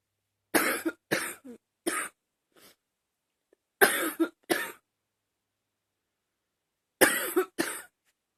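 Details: Simply coughing: repeated dry cough bursts, often in pairs, with pauses between, about nine coughs in eight seconds.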